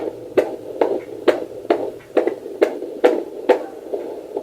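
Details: Fetal heartbeat heard at home with a handheld 2 MHz fetal Doppler and gel. Rapid, regular whooshing beats at about 140 a minute, with the display reading 141; a normal fetal heart rate.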